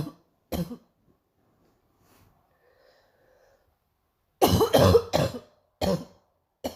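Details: Two harsh coughs, a quiet pause, then a run of four loud, rough, chesty coughs, a painful morning coughing bout; cough.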